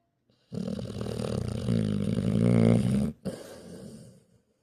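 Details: Male sleeper snoring: one long, loud, rattling snore on the breath, then a shorter, softer one; described as very loud snoring.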